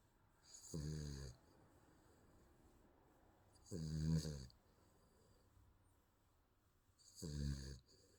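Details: Baby snoring during sleep: soft, regular snores, about 18 breaths a minute, in a quiet room.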